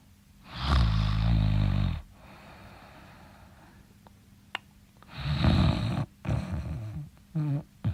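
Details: Loud, low, rattling inhaled snores separated by quieter breathing in a small room: ordinary snoring during sleep.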